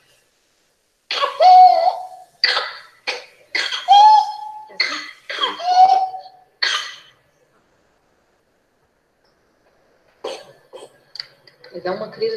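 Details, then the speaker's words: Child with pertussis (whooping cough): a paroxysm of about seven rapid coughs with high-pitched whooping in-breaths, crises one after another. "É agoniante né você assistir a criança fazendo paroxismo e ainda com guincho é agoniante né"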